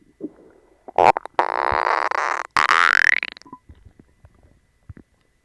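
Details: Loud, long gurgling and squeaking rumbles from an upset gut after eating dog treats, which caused a bellyache and loose stool; stomach growling (borborygmi).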